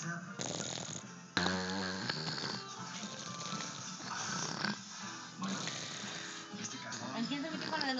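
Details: Nephew barely 1 year old snoring: loud, rough snores with each breath, unusually loud for a small child, over faint background noise.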